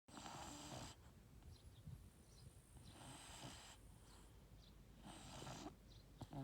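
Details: Snoring during a nap.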